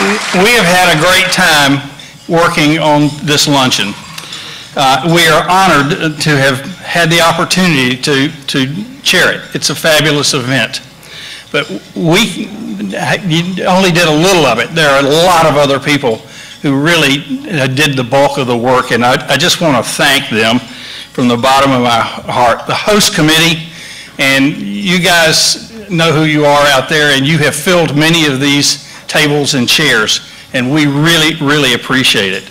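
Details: Adult man speaking to an audience over a microphone; ordinary fluent speech.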